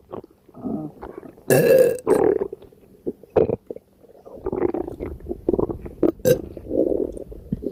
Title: Burps from my extremely gassy and upset stomach💓💓💓